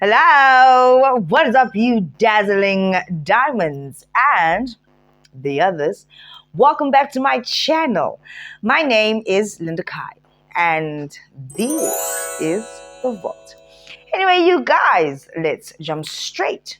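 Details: Adult woman speaking; Normal fluent speech.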